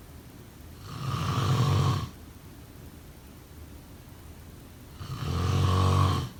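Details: Two rumbling snores during sleep on in-breaths, about four seconds apart, with quiet breathing between: snoring.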